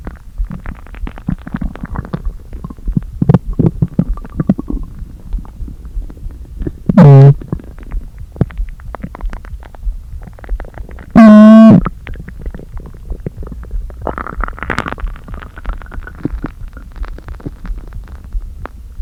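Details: Gurgling, creaking stomach growls with two loud, hollow groaning rumbles after not eating all day, stomach deliberately inflated with air; hunger bowel sounds (borborygmi).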